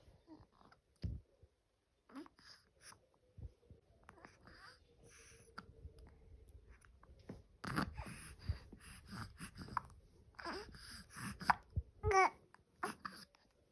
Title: My little madam is having a serious conversation with her hiccups this morning. Tell me, moms,